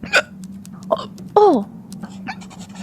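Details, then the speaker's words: Female VTuber on a stream, hiccupping while reading a text aloud: three sharp hiccup gulps, the last with a squeaky falling voice, over a steady background hum. Ordinary hiccups. "等一下，我开始打嗝了。等一下，打嗝真的太好了。"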